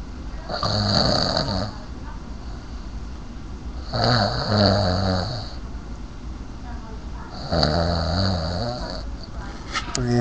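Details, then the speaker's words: Adult man snoring after heavy drinking of Dominican rum: three loud, rough snores on inhalation, about 3–4 seconds apart, with a rattling low buzz and hiss. "Eh, y esto es prueba de que él está roncando al lado mío como un maldito o sea, miren"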